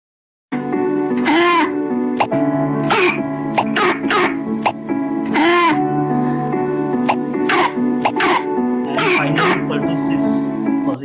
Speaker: causing a paroxysmal whooping cough. I think not uncommon.